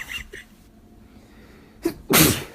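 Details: A short in-breath, then one sharp, explosive sneeze.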